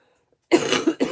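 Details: Adult with a heavy cough since Saturday evening, coughing a lot during a live crafting session.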